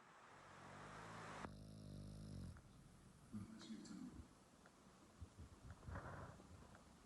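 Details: Pug snoring: a buzzing, rattling snore, then softer snorting and grunting breaths, with some room noise.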